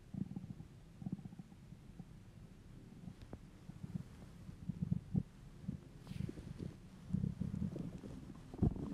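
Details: Male, hungry: low gurgling abdominal rumbles that come and go; borborygmi, ordinary bowel sounds of a hungry stomach.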